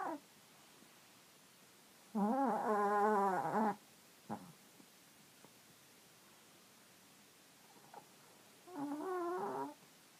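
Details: Pogue, a chihuahua–Jack Russell cross dog, gives two long, squeaky, wavering snores like air squealing from a deflating balloon, with quiet between: snoring.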